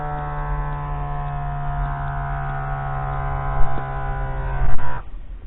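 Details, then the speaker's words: Simbr automatic blood pressure monitor: the upper-arm cuff pump gives a steady low motor drone, then stops as the cuff starts to deflate. The user was talking and holding the arm up, so the reading is not accurate. "I'm just going to press power it's gonna come on and the test is going to start"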